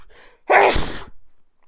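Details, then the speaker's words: A faint breathy intake, then a single loud, explosive half-second burst of air: an adult sneeze during a sneezing fit. "all right can I stop sneezing"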